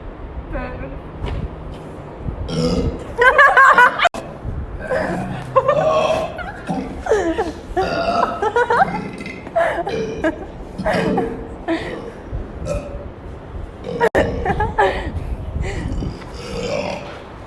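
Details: Repeated burping at the beach: long, loud, gurgling belches running almost continuously, with brief laughter and outdoor noise.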